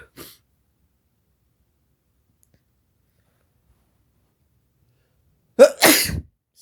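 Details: A single forceful adult sneeze, quick in-breath then explosive burst after near silence, one of a series deliberately triggered by black pepper; sneeze.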